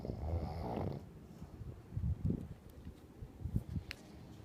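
Low, rough rattling breath noises during sleep, recurring irregularly; snoring.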